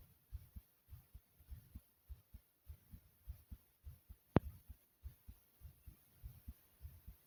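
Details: Person's own heartbeat, described as beating like a racing horse: a rapid heartbeat (tachycardia).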